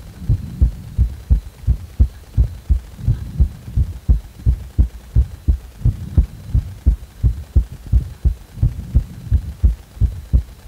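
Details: Steady, strong, regular heartbeat at about 87 beats a minute, recorded during sudden heart acceleration. The person felt the heart jolt at the moment of speeding up. Palpitations with heart rate acceleration.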